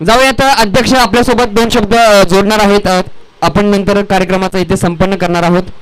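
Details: Adult male event host speaking into a microphone; Normal voice.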